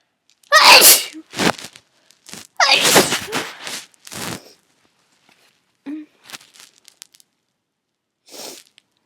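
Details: Adult sneezing while drunk, induced with a clothes tag, nose still tickling: hitching breaths, two loud sneezes and a third after a false start, with quieter sniffs between.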